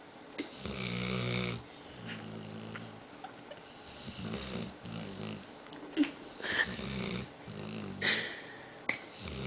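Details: Dog snoring while half awake: low, rattling snores repeating with each breath, with some snorts and soft room noise between them.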